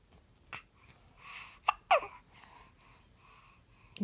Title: Hiccup!!